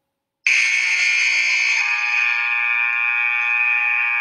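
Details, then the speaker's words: X-ray machine exposure sound played back from a tablet during a children's science craft session: a steady high-pitched buzzing tone starts abruptly and holds for several seconds. "so it sounds like a buzzer from a game show seems a little bit deeper see i think that one sounds like a buzzer too that one almost sounds like a high-pitched lawnmower"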